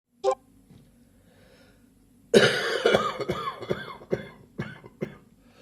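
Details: An adult is still coughing about three weeks after a chest infection: a single short cough, a pause, then a harsh bout of about five rough coughs, a persistent post-infection cough.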